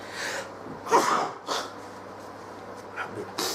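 Several short, breathy, snorting sneezes from an animal, quieter bursts in between, against light room noise.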